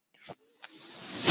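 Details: Real recording: the speaker's own mechanical ventilator cycling in the background as he talks; he points out the noise as his ventilator. Mechanical ventilator breathing cycle.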